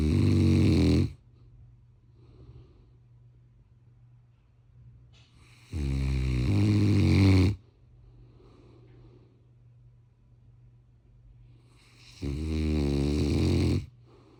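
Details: Loud, rough snores from a sleeping Cane Corso dog, about three in 14 seconds with quiet pauses between; ordinary dog snoring.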